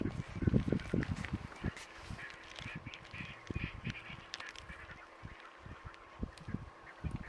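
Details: African lion makes repeated low, harsh hacking and retching bursts while coughing up a hairball; hairball retching.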